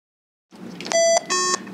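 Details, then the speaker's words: Eitan Medical Sapphire home IV infusion pump alarm during an infusion: two loud electronic tones, the first higher and the second lower, which must be muted on screen before the alarm is cleared. "an alarm display during your infusion you must press mute at the bottom of the screen before clearing the alarm after the cause of the alarm is corrected press ok to dismiss it"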